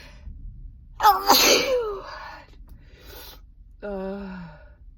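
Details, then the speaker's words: Stifled sneezes, a first for this sick person, who couldn't stop: a sharp, forceful burst of air with a short voiced catch, then a softer vocal sound; sneezing. "I'm sneezing, which is a first for me. I couldn't stop."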